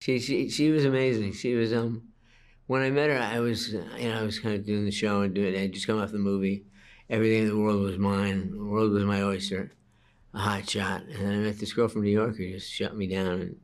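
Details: 61-year-old man diagnosed with Parkinson's disease at age 29, speaking in a TV interview; hypokinetic dysarthria (Parkinson's disease speech).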